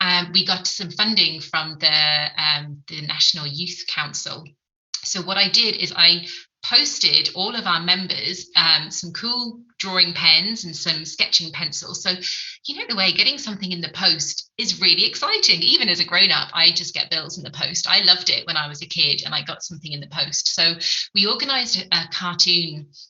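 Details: Adult woman speaking; typical speech.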